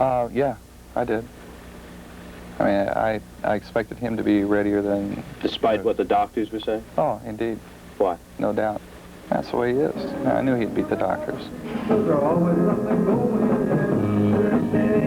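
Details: Adult male speaker; ordinary speech.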